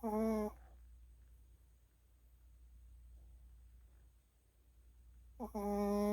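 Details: Snoring from a Chihuahua dog lying on his back in the dark beside the recorder's ear; two short, high, whistling snores about five seconds apart, with quiet room noise between.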